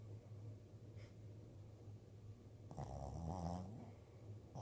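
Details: Sleeping dog with a twitching nose: low rumbling noise with one louder, rougher snore near the end; loud snoring.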